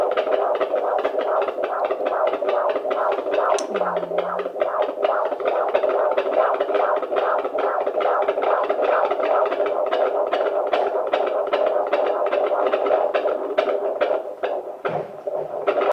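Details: Fetal heartbeat of a girl at 28 weeks on a midwife's Doppler, baby moving away from the probe so the signal is unclear: rapid whooshing pulses at about 143 a minute, within the normal range.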